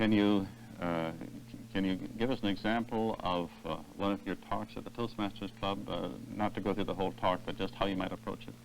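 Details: Adult male; typical speech.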